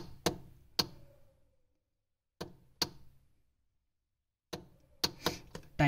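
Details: Sharp clicking button presses in pairs with short ringing tones as the timer is set up and down on a MED:300 1 and 3 MHz physiotherapy ultrasound unit in manual mode; device button beeps.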